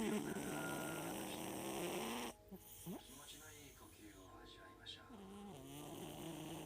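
A loud, rough, buzzing snore from a sleeping cat, then a quieter stretch with faint voice-like sounds and room noise; snoring.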